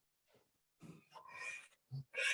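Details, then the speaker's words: Older dog with confirmed laryngeal paralysis: harsh, roaring noisy breaths, inspiratory stridor like that of "roarer" horses. "So you can hear sort of the roaring sound that Charlie's mom described. And interestingly enough, in horses that exhibit this behavior or this condition are called roarers."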